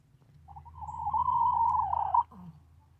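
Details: Wheezing.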